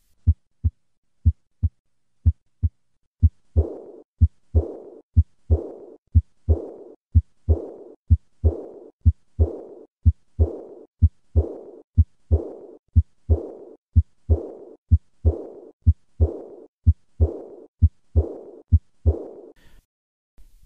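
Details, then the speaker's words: Aortic regurgitation: a regular heartbeat near 60 a minute with a high-pitched, soft, fading blowing diastolic murmur beginning right after the second heart sound, typically heard at the third or fourth left intercostal space with the patient leaning forward. "the murmur of aortic regurgitation is a high-pitched diastolic murmur that begins immediately after the second heart sound as shown in the phonocardiogram"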